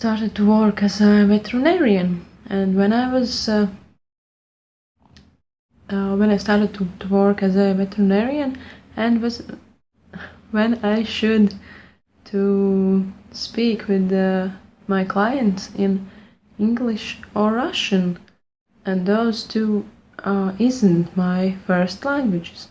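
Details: Lifelong stuttering since childhood in an adult woman speaking English, not her first language, while working on her speech with the Pro90D program; part-word and phrase repetitions and revisions; stuttering.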